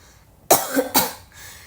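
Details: Painful throat and changing voice, cough caught from a friend during cold and flu season: cough.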